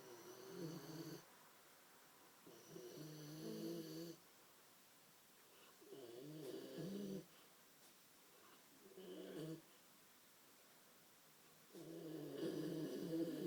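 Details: Sleeping female: rhythmic rattling snores on each breath, about five in thirteen seconds, with quiet pauses between; ordinary snoring.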